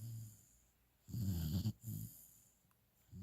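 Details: Low rumbling snore bursts with a brief snort from a young dog sleeping mouth open, worn out after his first walk following his final set of shots; snoring.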